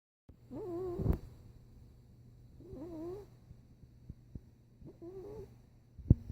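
Three slow, rough, rattling breath sounds about two seconds apart, with soft clicks between them: snoring during sleep.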